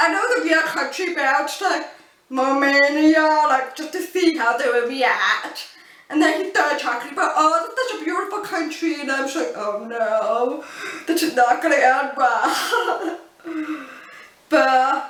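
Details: Adult woman born deaf who uses cochlear implants and learned to speak English through speech therapy; people often mistake her deaf accent for a foreign accent; deaf speech (speech of a cochlear implant user born deaf).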